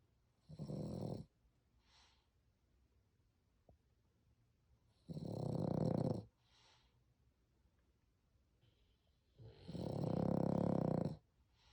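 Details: French bulldog snoring very loudly, with another dog heard snoring in the background: three loud, rough snores about four seconds apart, each with a fainter hissing follow-through, in a quiet room.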